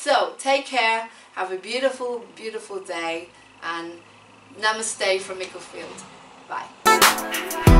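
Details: Adult woman; typical speech.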